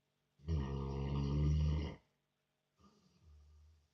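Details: Sleeping American bulldog snoring loudly like a human: a long, deep, rumbling snore followed by a softer one.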